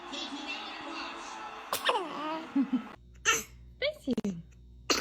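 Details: Baby sneezing: several brief, high, squeaky bursts between music and adult voices.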